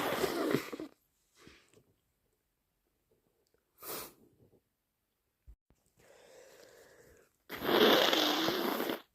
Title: More sneezes and wet blows! 🤧🤧